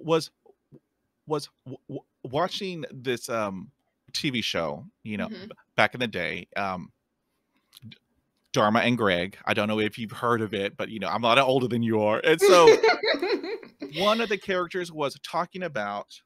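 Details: Adult male podcast host who stutters, with blocks and word switches or replacements; repetitions heard here. Finding: stuttering.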